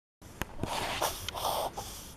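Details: Dog with rapid noisy snorting and wheezy breaths, a reverse sneezing episode; owner suspects smoke allergy, as it occurs after smoke exposure (wood, BBQ, burnt food), having just come in from outside in winter.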